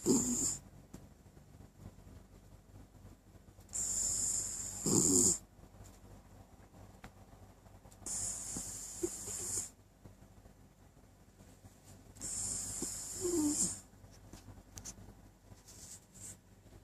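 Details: Chestnut snoring: four long, hissy breaths with a whistling, snorting edge, roughly 12 a minute, against quiet room noise.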